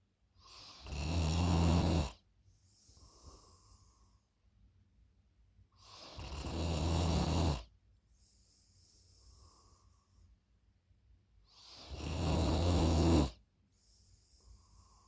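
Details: Loud heavy snoring during sleep: deep rattling snores on each breath in, softer breaths out, about 11 breaths a minute.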